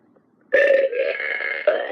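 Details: Toy dog burping: a single loud, drawn-out belch lasting about 1.5 seconds after a moment of quiet.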